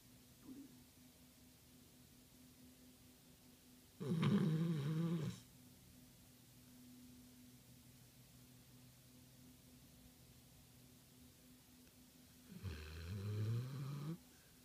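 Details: Pit pinscher dog snoring while asleep: two low, rumbling snores about eight seconds apart with quiet room noise between.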